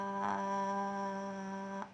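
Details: Adult voice, demonstration; sustained vowel phonation (maximum phonation time task).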